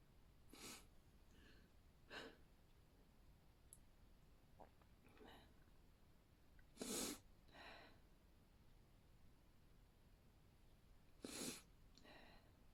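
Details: Deliberately induced sneezes that wouldn't come out: several sharp, breathy intakes and short nasal bursts building toward a sneeze but never releasing; stifled, aborted sneezing buildups clipped together.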